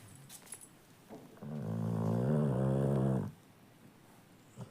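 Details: One drawn-out, droning snore lasting about two seconds from a sleeping Labrador retriever dog, with quiet breathing before and after.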